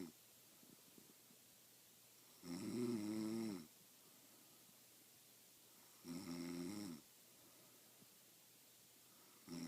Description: My friend who says she don't snore. I got the proof. Lmao